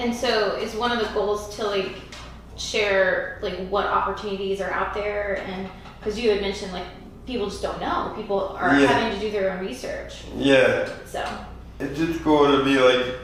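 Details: Adult female speaker; typical speech.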